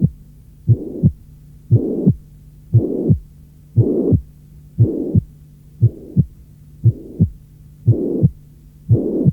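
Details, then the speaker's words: Simulated heart about 58/min with a blowing holosystolic tricuspid regurgitation murmur, loudest at the lower left sternal border, varying in intensity between beats and increasing markedly with inspiration, distinguishing it from mitral regurgitation. "Son intensité maximale se situe à l’extrémité inférieure gauche du sternum et il s’accentue nettement pendant l’inspiration. Remarquez cette variation d’intensité dans l’exemple suivant."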